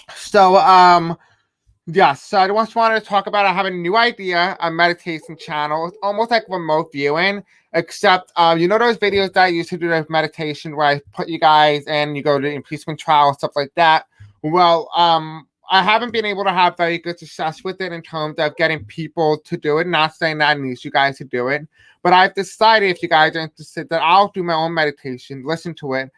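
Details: Man who says he has a deaf accent and may have a hard time pronouncing certain words; deaf speech (deaf accent).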